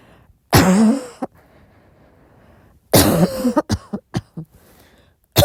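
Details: Soft, intermittent coughing at midnight in a quiet room: two episodes, one single cough and one followed by several short bursts.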